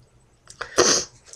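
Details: Adult who describes being very sick for several days, sleeping nonstop; a short breath in followed by a single sharp, explosive sneeze in a quiet room: sneeze.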